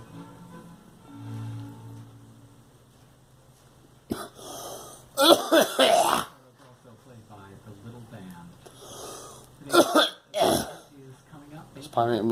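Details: Girl coughing: several harsh coughing bursts, some in quick runs, with faint music and voices in the background.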